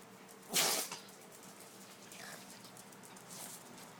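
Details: Maltese dog with incessant sneezing, owner wondering whether she is allergic to something: one sharp, hissing sneeze burst followed by faint snuffling in a quiet room; sneezing.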